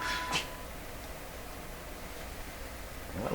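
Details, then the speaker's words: Cat sneezing outside at the door, heard incidentally during radio repair: sneeze. "that sound I just heard a cat sneeze outside yep cat at the door there"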